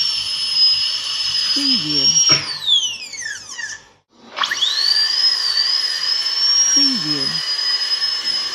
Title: Dental Drilling Sound Effects